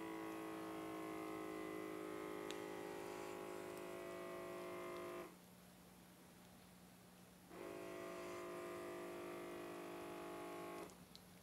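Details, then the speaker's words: A Healthsmart talking blood pressure monitor's pump whirs steadily, pauses, then whirs again as the cuff inflates on a still adult woman; reading 144/95 mmHg, heart rate 67, announced as mild hypertension. "so i'm going to go ahead and turn it on i have to be very still please ensure that the cuff is at the same level as your heart do not move and keep quiet now if you are ready let's begin"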